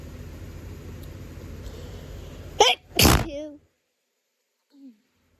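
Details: Adult with hay fever resting in bed: background room noise, then a sharp inhaled catch and one forceful allergic sneeze, followed by a short vocal sound.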